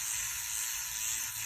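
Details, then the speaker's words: Microneedling pen with 12 small needles in its head, running across a woman's skin during her first microneedling procedure; a steady high-pitched buzzing whir like an electric toothbrush, while the patient says she feels nothing. "so what's the pin doing right now so what it's doing is there are 12 little pins inside the head of this pin and it goes in and it basically makes little abrasions all the way across her skin"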